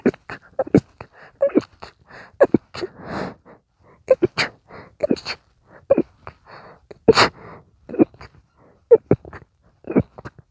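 A rapid run of short, stifled sneezes with sharp catches of breath between them. A sneezing fit.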